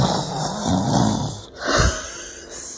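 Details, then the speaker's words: Simulated snoring: a woman deliberately imitates her husband's chronic loud, all-night snoring with a rough, rattling snore and snorting breath; nose strips reportedly tried. "Because he snores. And I'm not talking like a cute like snore. I'm talking like"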